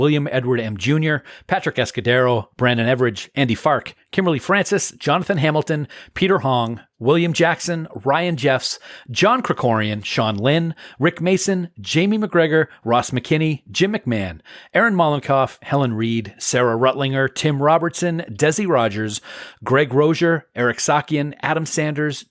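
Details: Adult male speaker; Normal voice.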